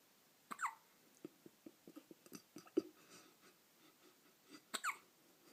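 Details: Baby's hiccups: two sharp, squeaky infant hiccups about four seconds apart, with soft clicks and breathy sounds between them; ordinary infant hiccups.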